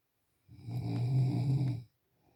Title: Sound of snoring